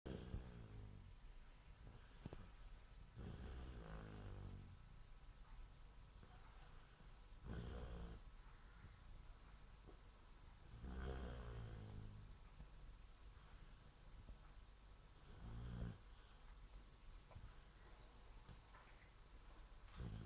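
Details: Maylin snoring: deep, rattling snores about every four seconds, roughly 15 breaths a minute, over a steady low background hum.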